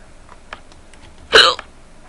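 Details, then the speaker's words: Hiccup from a hiccup spell that had just started: a single sharp, voiced hiccup with a quick catch of breath, standing out against quiet room noise. "I know how much you guys like hiccups and well I was going to do another lawn minute VCH video but these started happening so I'm like you know what I'll give my hiccup video"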